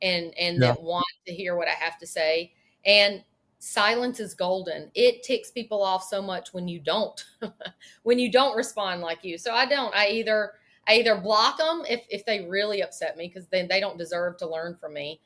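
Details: Adult woman speaking; typical speech.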